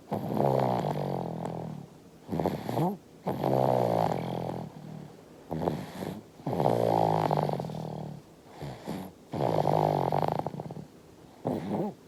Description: 5-month-old baby is snoring, and drinking milk in the dream.